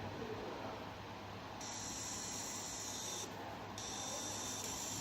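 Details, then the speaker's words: Patch insulin pump (Equil) priming its reservoir: two stretches of faint high whirring over soft hiss as the motor moves the piston until insulin comes out of the needle tip. "can hear it moving the piston right now and Prime until you see insulin coming out of the tip of the needle"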